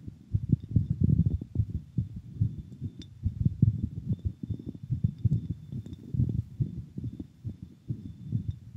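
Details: Normal heart sounds of a boy after exercise: fast, regular, low heart thumps from the chest, a normal quickened heartbeat.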